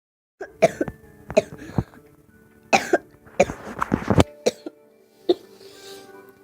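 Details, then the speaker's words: Child still sick, coughing a lot including at night and unable to sleep: about eight repeated sharp coughs, some in quick pairs, over background music. "I'm coughing a lot as I'm you still sick. I mean, cough at night. I just can't go to sleep."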